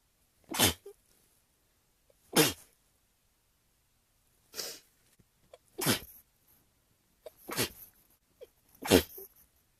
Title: Rapid Sneezing fit Compilation